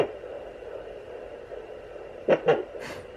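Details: Home fetal Doppler at 29 weeks 3 days of pregnancy: steady hiss broken by a sharp double thump, then a softer swish. These are fetal hiccups, heard away from the heartbeat spot; a normal finding.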